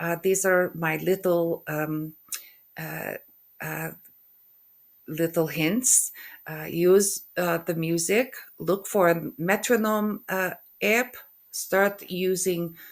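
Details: Aphasia after stroke in an adult woman who also has functional neurological disorder; halting speech, hesitation between words, word-finding difficulty (anomia), mixing up words and stuttering.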